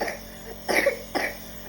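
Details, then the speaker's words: A young girl with a cold and cough, during nebulization with Levolin, gives two short, loose coughs in quick succession in a quiet room. "देखो खांसी आ रही है आपको। इससे ठीक हो जाएगी।"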